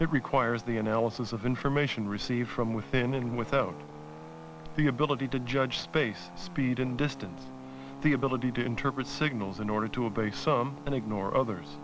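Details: Adult male narrator; normal speech.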